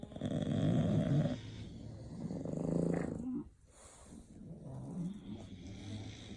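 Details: Bulldog snoring while asleep: low, rough, rattling breaths with a snorting quality that rise and fall.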